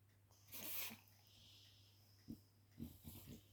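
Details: Snoring from a sleeping male French bulldog: noisy breaths with a hissing inhale and short snorting grunts, the snoring common in flat-faced dogs.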